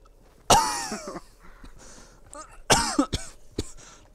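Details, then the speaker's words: Two harsh, forceful coughs with shorter follow-up bursts during an asthma attack while gaming; told to take his inhaler. "That's that fucking clip of me having an asthma attack going on Instagram."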